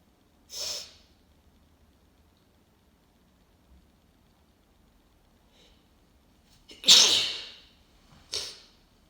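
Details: Person with a cold, still congested, deliberately inducing sneezes: three sharp, hissing sneeze bursts in a quiet room, each with a brief intake of breath before it, the second loudest, then a nose blow at the end; congested cold sneezes.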